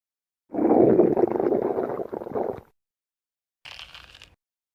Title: Stomach growling #2